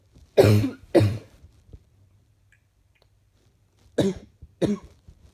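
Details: Cough on waking in the morning: four loud coughs in two pairs with a short pause, slightly loose and chesty; chesty cough.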